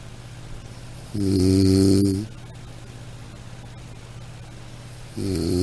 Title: Soothing Snoring Sound - Black Background